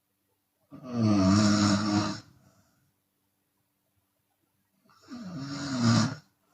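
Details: Open-mouth snoring in a Chinese woman, sometimes on exhale: two long, loud, rough snores separated by a quiet gap.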